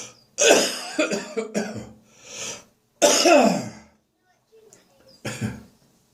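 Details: Adult's several harsh, rattly coughs and throat clearing, bringing up catarrh in the bathroom first thing in the morning: productive cough.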